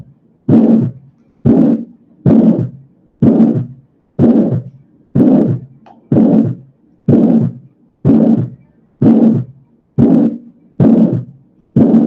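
Regular heartbeats at about 62 a minute, each followed by a harsh blowing noise that builds and fades within systole: an aortic ejection systolic murmur.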